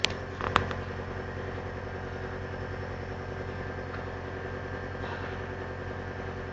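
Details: Nebulizer compressor with a steady low mechanical hum and buzz and a few faint clicks at the start, nebulizing a baby with a saline (NaCl) mixture for coughing from the cold.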